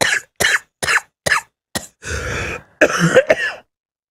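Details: Coughing fit in an adult man brought on by laughing too hard: a burst of about five quick dry coughs, a hoarse breath, then more coughing and a throat clear.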